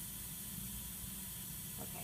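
Steady airy hiss of gas flowing through a Venturi oxygen mask at a high but comfortable flow, with low room rumble beneath.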